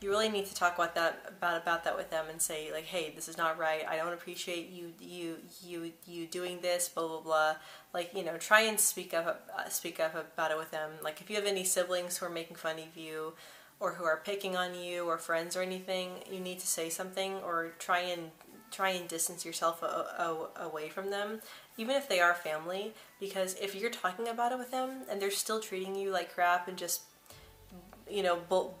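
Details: Female speaker who began stuttering at about age 9 or 10, speaking with repetitions and a broken word; stuttering.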